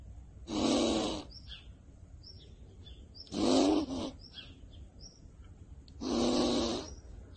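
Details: A squirrel snoring: three short raspy snore-like breaths, about one every three seconds, with faint bird chirps outside.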